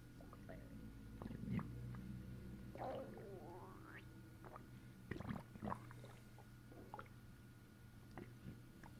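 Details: Self-recorded belly pressed down with a fist after a long bowel movement: soft irregular gurgles and squelching rumbles, some rising in pitch, over low room hum; ordinary bowel sounds (borborygmi).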